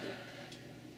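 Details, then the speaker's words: Doppler auscultation of the temporomandibular joint while the patient opens fully and closes slowly: fine grating crackles on translation with no pop or click, despite a history negative for popping; crepitus from a non-reducing disc displaced off the lateral pole. "has very definitive crepitus on translation telling us without a pop or a click that she's off the lateral pole of the disc on this side and it doesn't reduce"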